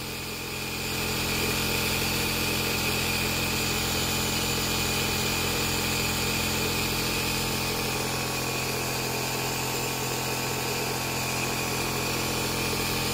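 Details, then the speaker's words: Omron C101 Essential compressor nebulizer running with medication loaded: steady mechanical hum and buzz at moderate, even volume, about 58 decibels. "この機械はうるさくないですか。また、あなたはすでに聞いており、ズームインすると58デシベルの画像があるとも言いました。"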